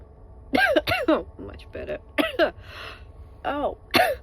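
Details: Several short voiced sneezes with sharp expulsive releases in quick succession over steady train noise, recorded during a train ride and apparently deliberately induced; sneezing.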